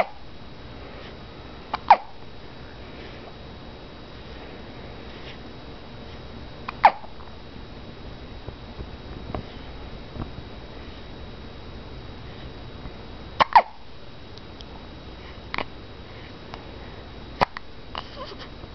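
Sharp, brief catching sounds recur irregularly, about nine a minute, against quiet room noise, fitting hiccups.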